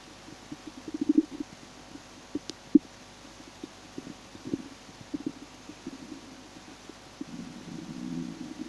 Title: im starving, listen to my stomach growling, ich habe Hunger, hört mal wie mein Magen knurrt 😁💓